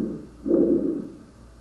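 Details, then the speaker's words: Adult auscultation simulator torso, stethoscope near the trachea, sound also played through a speaker: harsh, hollow airflow rush, normal simulated tracheal breath sounds. "Notice that you can hear the tracheal sounds uh through the speaker and of course you'll be able to hear them through the stethoscope as well."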